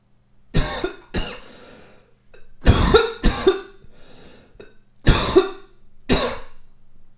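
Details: About six sharp, harsh cough bursts in short groups from an adult in a quiet room.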